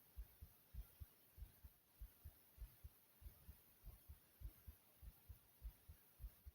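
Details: Steady, regular paired lub-dub heart sounds at about 100 beats a minute, a normal heartbeat the person describes as soothing.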